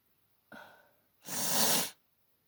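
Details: Sharp inward gasp then one forceful, explosive sneeze during an allergy sneezing fit with nose-blowing.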